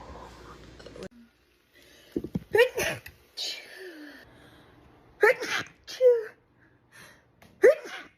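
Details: Girl: four to five short, squeaky sneezes in quick succession, each with a brief breath in beforehand. Repeated sneezing.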